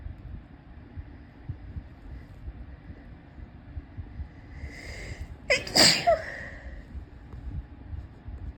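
A quiet lead-in breath followed by a single sharp sneeze against faint background noise.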